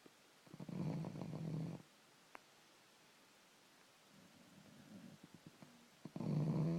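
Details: Very loud snoring from a 5–6-month-old male who is not yet full grown: rattling low snores about a second long, with quiet gaps and softer snuffling between them.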